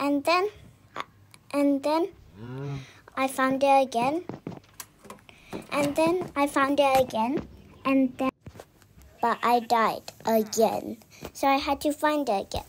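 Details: Self-described stammering in the speaker's own narration, with word and part-phrase repetitions; stuttering (phrase repetitions).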